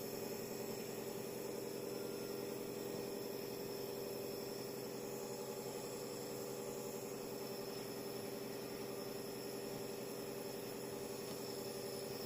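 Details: Steady, even mechanical hum with a fast rattling buzz from a running nebulizer compressor during inhalation therapy for flu or cough causing a blocked nose.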